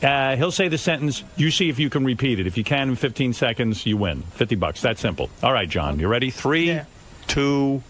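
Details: Adult male speaker; normal fluent speech.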